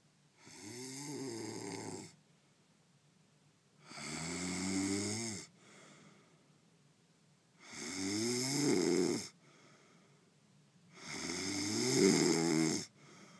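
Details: Man sleeping: loud, regular snoring with four long rattling inhalations, about 17 a minute, each followed by a quiet exhalation, in a quiet room.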